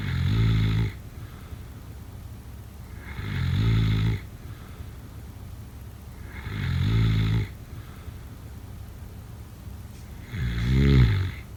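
Loud, low rattling snores about every three to four seconds, four in the clip, with quiet gaps between: ordinary snoring during sleep.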